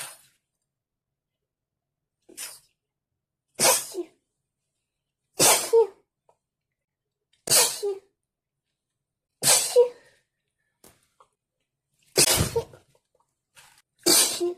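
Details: An adult with a cold sneezes six times in quick succession, each a sharp explosive burst with short quiet gaps between.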